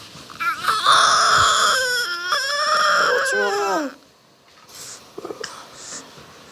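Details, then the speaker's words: Loud, strong crying from a newborn boy just after birth in hospital, with rising and falling wails, then quieter whimpers. "He was then he just started screaming and it was great cuz it was great to actually hear his little cry. Just that's all I wanted to hear."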